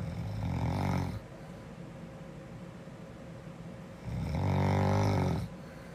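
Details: Snoring girl asleep: two loud, low rattling inspiratory breaths a few seconds apart, quiet between; snoring.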